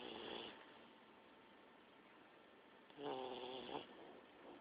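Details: Two brief snoring breaths from a sleeping Olde English Bulldogge, separated by a quiet pause, with a low rattly, tonal quality.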